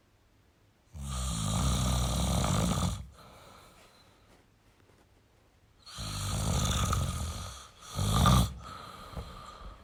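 Two loud, rattling snores on inhaled breaths with a snort between, about two-second bursts separated by quiet exhalation; typical snoring.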